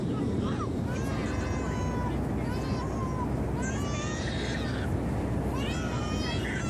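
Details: An infant on a flight home from Arizona, crying the entire flight: repeated wailing bursts over steady, loud aircraft cabin rumble; infant crying.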